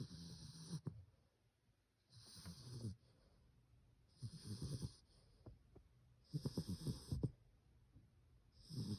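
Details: Cream poodle snoring in sleep: rhythmic, low, rattling snores with each breath, about four breaths in nine seconds, with quiet pauses between. The owner says the snoring keeps them awake.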